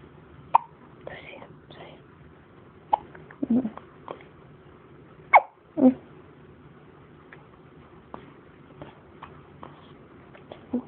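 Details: Brief, sharp catching sounds recurring irregularly from a baby girl, with soft adult talk in a quiet room; infant hiccups.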